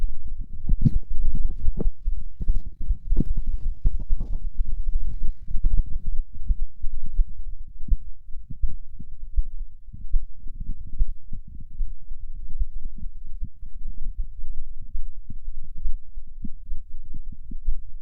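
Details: Stomach growling (borborygmi) recorded as ASMR: low, irregular gurgling and rumbling with bubbly pops from the abdomen as gas and fluid move.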